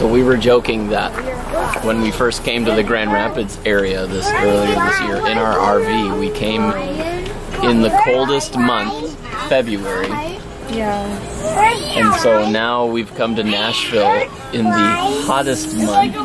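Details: Adult man speaking; normal voice.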